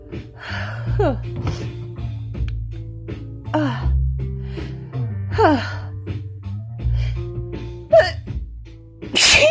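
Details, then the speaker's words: Woman on day 4 of a cold combined with allergies, with a tickly nose: several forceful sneezes with gasping in-breaths before them, over steady background music; a sneezing fit. "Pretty much over the worst of it, but I'm still sneezing, of course. Oh, it's really tickly."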